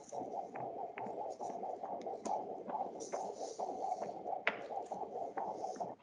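Fast, rhythmic whooshing pulses at about 135 a minute, the fetal heartbeat picked up by Doppler ultrasound.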